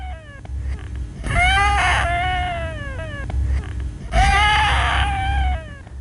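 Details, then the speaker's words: High-pitched musical whistling wheeze with airy breath noise on expiration only, from narrowed lower airways in mild lower airway obstruction in a child with respiratory distress. "wheezing can tell you a lot about the severity of your patients obstruction with mild obstruction of lower Airways you'll only hear them on expiration"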